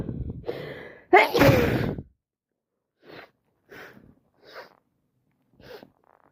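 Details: Gasping breaths build to one loud, wet, explosive sneeze, then several quiet sniffs and breaths, on day 4 of a head cold; sneeze.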